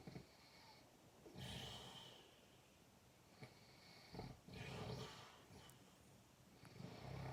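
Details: Loud snoring likened to a tiger's sound: rough, growling snores with snorting catches, recurring through quiet room noise.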